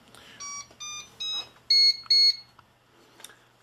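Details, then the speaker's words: A run of high electronic beeps, the last two louder and longer, then quiet room noise, as an Infant Flow CPAP system is set up on an infant mannequin and its heated humidifier warms up before connection; a CPAP humidifier warm-up alarm. "okay and we're going to be getting alarms until uh the system warms up but this will allow us to this will allow us to have air flow going through allowing the heated humidifier down here to heat up and get prepared for the baby"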